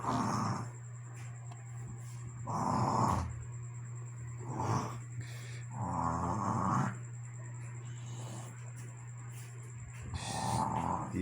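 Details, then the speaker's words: Loud, rough, rumbling snoring from a young girl (daughter), about five snores in eleven seconds, steady background hum, with an adult commenting. "Tá roncando? Que roncada é esse, hein? Meu Deus, que menina pra roncar."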